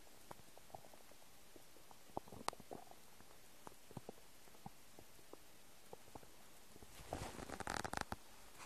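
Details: Noises of an empty stomach: soft gurgles and clicks throughout, ending in a longer rumbling gurgle; stomach rumbling (borborygmi).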